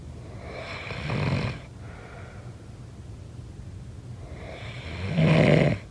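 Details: Two loud rattling snores on the in-breath separated by a quiet pause: ordinary snoring during sleep.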